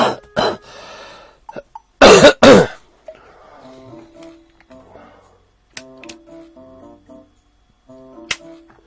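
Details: Several harsh, forceful coughs, the loudest two close together, then chiming tones, from an adult who says they have pneumonia, wheezing since yesterday, unsure whether asthma or pneumonia; cough.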